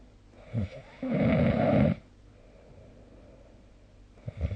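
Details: Snoring recorded with the SnoreLab app during sleep: one loud, low, rattling snore on a breath in, with short snorting sounds before and after.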